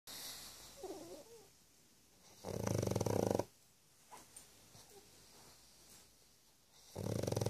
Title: Loud snoring pug